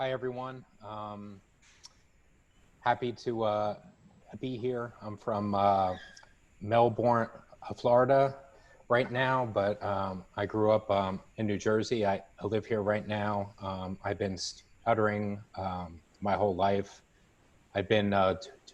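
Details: 27-year-old who self-identifies as a person who stutters, speaking at a stuttering association online open mic; real, unscripted speech showing stuttering.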